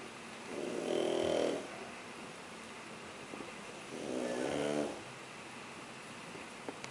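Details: Shar Pei puppy snoring: two long, rattling snores on breathing in, about three seconds apart, over steady room hiss.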